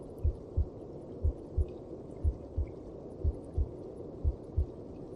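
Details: Heartbeat heard inside the mother's belly: muffled, steady lub-dub at about 60 beats a minute over a low, constant rumble.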